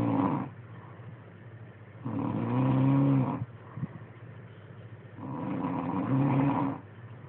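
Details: Adult snoring nightly: loud, rumbling, drawn-out snores about every three seconds with quieter breaths between; snoring.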